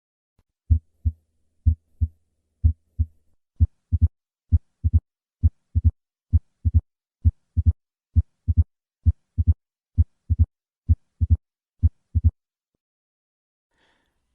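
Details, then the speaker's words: High-pitched opening snap at the cardiac apex very soon after the second heart sound, from a thickened mitral valve, clue to mitral stenosis; three normal beats first, then the snap added. "this opening snap is secondary to the thickened mitral valve and occurs at the apex very soon after the second heart sound"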